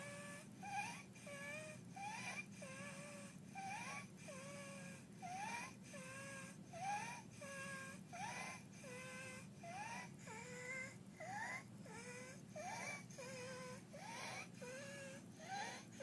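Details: Infant with laryngeal dyspnea: harsh, high-pitched musical noise on each breath, about 40 a minute, a stridor from laryngeal obstruction.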